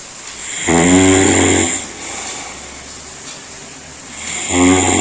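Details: Loud, rattling, buzzy snores on each in-breath, about four seconds apart, with quieter breathing out between them: heavy human snoring.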